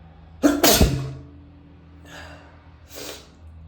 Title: sneezing on a CD